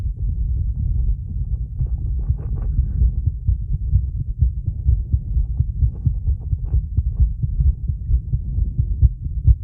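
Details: A woman's heartbeat recorded after a 30-second plank, through recovery and a breath hold: fast, muffled low thumps at roughly 130 a minute with some rustle; normal heart sounds at a fast rate.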